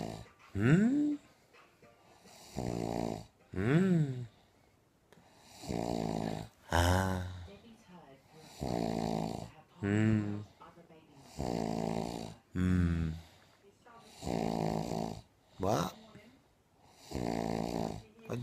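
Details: Heavy snoring from a woman who says she does not snore: loud, rattling snores on each in-breath, about 20 a minute, some with a rising whistling tone.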